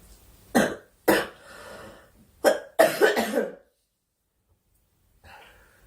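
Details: Girl coughing during a live stream, wishing aloud for the cough to stop: four or five short, harsh coughs in quick succession with brief pauses, then quiet room sound; repeated cough.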